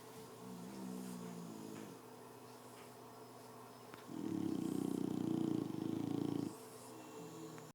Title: Snoring boxers